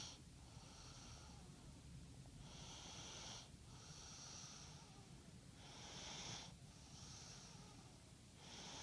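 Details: Snoring during sleep: quick, rhythmic, hissing breaths with snorting noise, about one every one to one and a half seconds.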